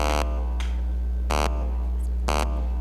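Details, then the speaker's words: Elman radiofrequency skin-tightening handpiece during a live patient demonstration, upper eyelids also treated: short buzzy beeps about once a second over a loud steady hum, louder through backstage microphone feedback than in an office. "our av staff just notified us it will not make this louder noise in the office this is just because uh it's being picked up by the microphones backstage which are very there's some feedback"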